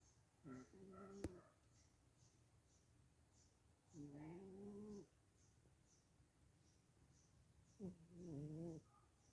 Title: FatboiKat Snores Lawd! 😬 zźźzź He's not letting me sleep!